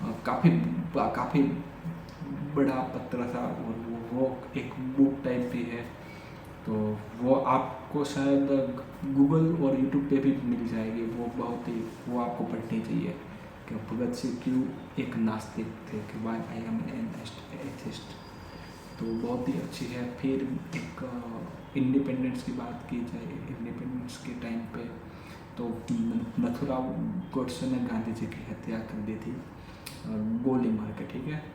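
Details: Adult male who has stammered since childhood, speaking spontaneously in Hindi during daily stammering practice; repetitions of words and phrases — stuttering.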